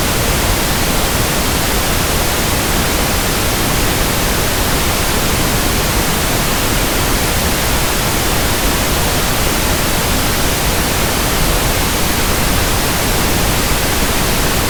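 Steady, even hiss of pink noise, used as a sample for matching the sound of tinnitus.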